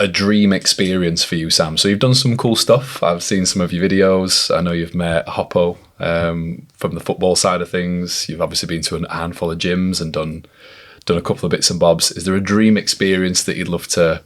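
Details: Adult man; typical speech.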